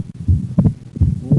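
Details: Split second heart sound with right bundle branch block, heard while the patient breathes in and out on command.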